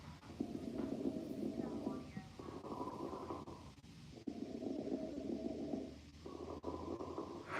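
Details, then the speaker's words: Teaching sample of a pleural friction rub: harsh, low-pitched grating on both inspiration and expiration, discontinuous or continuous depending on severity. "with poor friction rubs they can occur on inspiration and expiration and they're going to have a low pitch to them in addition they can be discontinuous or continuous"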